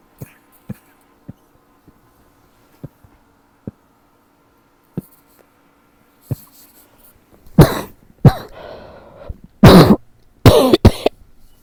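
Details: Adult coughing all night from a persistent throat tickle: after quiet ticking, a run of about five sharp, dry coughs in quick succession; dry cough.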